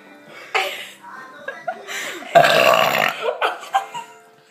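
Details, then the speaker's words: Deliberate burping during a burping contest after drinking soda: several loud, drawn-out voiced burps with brief laughter in between. "mom we're having a burping contest I wish I have more soda"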